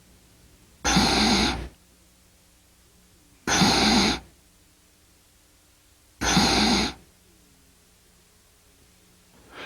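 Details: Unvoiced posterior nasal fricative with audible nasal turbulence, due to incomplete contact between the soft palate and the posterior pharyngeal wall, in cleft palate speech; posterior nasal fricative.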